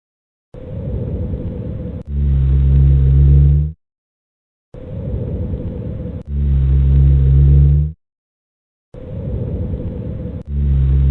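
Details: Lung auscultation demonstrating rhonchi, an abnormal breath sound: loud low-pitched snoring rumbles through each breath, about 14 breaths a minute, from secretions in the larger airways.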